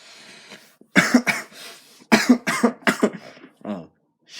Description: Cough cough sorry about that bud